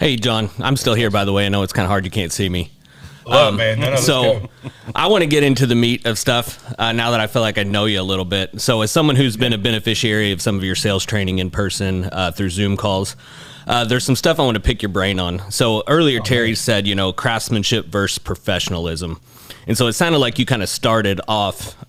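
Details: Adult male speaker; typical speech.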